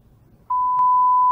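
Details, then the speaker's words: Simulated pure-tone audiometry demonstration: steady clear beep tone at 80 dB delivered through headphones after brief quiet, the listener reports hearing it; descending-level test to find softest level heard (this person's threshold 40 dB). "그리고 80dB 소리를 헤드폰으로 들려줍니다. 소리를 들었답니다."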